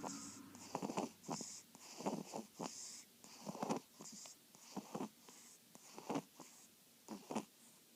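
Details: During snoring: rapid, irregular short snorts and snuffling breaths with a whistling edge; noisy nasal breathing, snorting.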